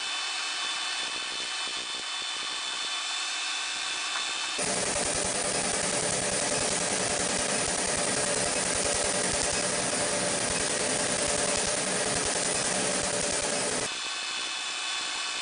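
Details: Laser tattoo removal in progress: loud hissing, buzzing machine noise with rapid regular pulsing, about 150 a minute, as the laser fires.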